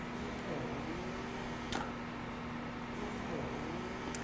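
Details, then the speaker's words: Momcozy S12 wearable electric breast pump in expression mode at level nine, its maximum of nine suction levels: a quiet, steady motor hum with a soft rising and falling suction cycle. "this is on level one it also goes up to level nine so i will let you hear level nine i'm really close this pump is not that loud thankfully"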